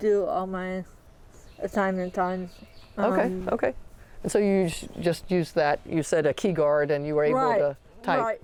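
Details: Adult woman speaking; typical speech.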